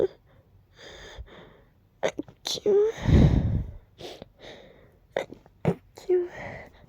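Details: Uncontrollable rapid sneezing from a deep nasal tickle: breathy "ah… ah…" wind-up sounds, then a loud explosive "achoo" followed by further short bursts; a run of sneezes.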